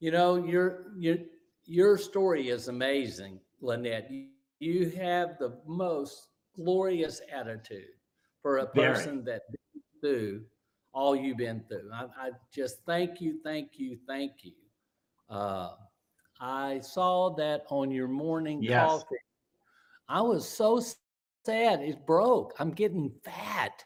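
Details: Aphasia in a stroke survivor about 9.5 years after the stroke, speaking during a live show.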